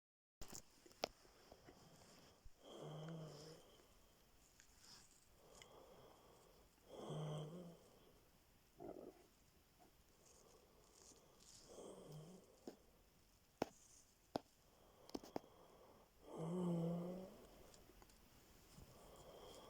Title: snoring bogoos 😍